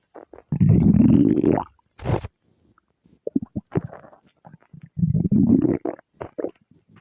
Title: Doll’s stomach growl